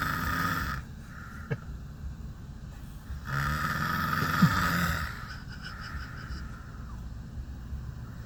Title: Horrible Snoring